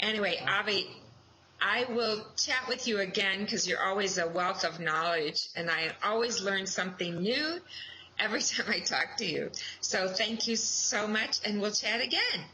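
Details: Adult woman speaking; fluent conversational speech.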